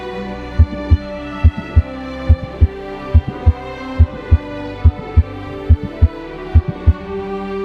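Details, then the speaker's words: Regular heartbeat near 71 a minute with a systolic murmur between the paired sounds, over soft background music; teaching example of a systolic murmur. "it is frequently present in patients with systemic hypertension aortic stenosis or hypertrophic cardiopathic murmur be caused by aortic and pulmonary valve stenosis or mitol and tricuspid valve regurgitation"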